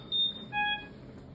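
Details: Two short electronic beeps, high then lower, the normal power-on tone of an EV300 ventilator starting up in assist control volume control mode.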